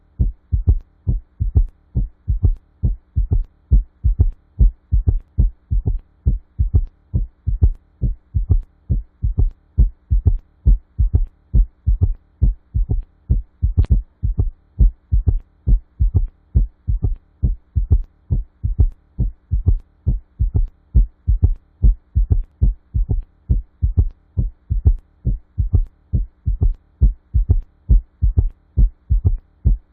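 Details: S3 gallop: regular low heart sounds near 68 a minute with an added soft early diastolic sound, giving a gallop rhythm.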